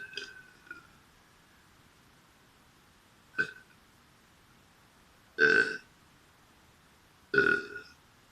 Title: Burping Boy To Back